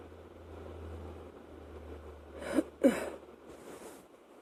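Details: Night-time coughing fit, waking the person from sleep during a chest cold: two harsh cough bursts close together, then a softer breathy one, over a steady fan hum.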